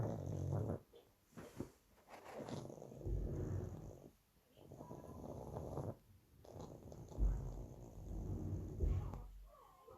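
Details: Two-year-old pug, sleeping: loud, low, rattling snores on the in-breaths separated by quiet pauses, typical flat-faced dog breathing; snoring.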